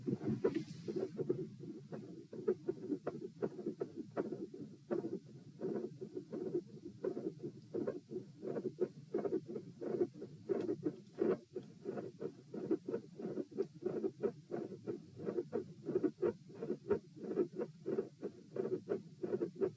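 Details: Heart auscultation stress test at position P while lying, sitting, standing, then lying again (72 bpm supine, 84 sitting, 108 standing, 72 supine): mid-systolic clicks with a split S2.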